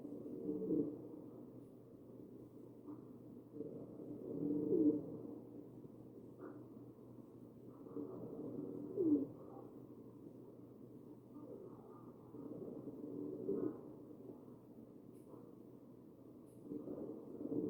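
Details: Ventilated patient, chest auscultated: ventilated breaths about 14 a minute carrying low, musical, cooing tones; wheezing.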